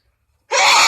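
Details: Loud, powerful sneezes from a woman, with build-ups and expressive faces; her eyes are watering and she reaches for tissues between them. Finding: sneeze.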